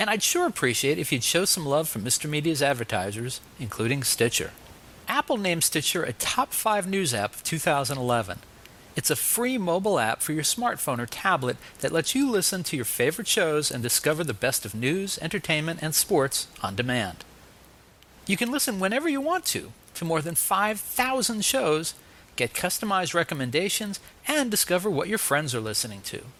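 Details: Adult male speaker; typical speech.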